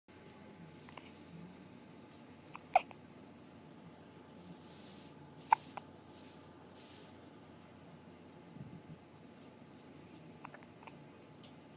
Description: Kinda long but she has hiccups